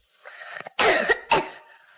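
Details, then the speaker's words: A child gives two short, dry, throat-clearing coughs: a reflux cough from stomach contents rising through the oesophagus into the throat and irritating the lining, occurring in an otherwise healthy child. "следующий тип кашля - это рефлюксный кашель он характерен когда есть заброс содержимого желудка через пищевод в горло"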